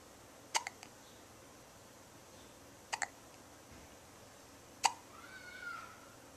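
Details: Two-week-old baby girl with short, sharp hiccups a few seconds apart, followed by a faint little whimper; newborn hiccups.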